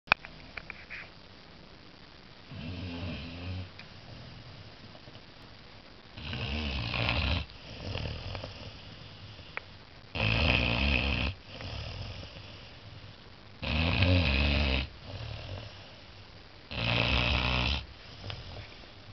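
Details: 14-week-old Saint Bernard puppy asleep after a long day of play: low, rattling snores on each in-breath with softer out-breaths, about 19 breaths a minute; puppy snoring.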